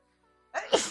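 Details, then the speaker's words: Person who has been sneezing a lot and wonders if allergic: near-silence for half a second, then a loud two-part sneeze, a sharp burst followed by a louder explosive release; natural sneeze. "oh [Music] man oh my I'm going to sneeze give me one second I think it's happening again"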